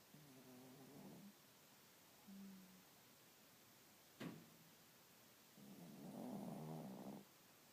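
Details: A 12 lb dog sleeping on a lazy morning, with soft, low buzzing snores of varying length, quiet gaps between and one brief sharp sound: snoring.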